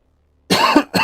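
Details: After a moment of silence, an adult who says he is still recovering gives one harsh, voiced cough, then a second short burst begins as the clip ends: a plain cough.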